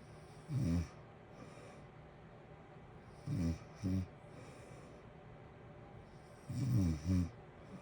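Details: Natural snoring during sleep over heater white noise: low, fluttering snorts, some in pairs, recurring about every three seconds over a steady heater hiss.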